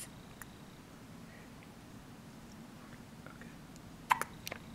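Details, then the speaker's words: Baby in diapers with hiccups: a sudden sharp catch in the throat in a quiet room, followed by a couple of softer clicks. "u taping me having hiccups it's not really nice to laugh at me I'm so cute"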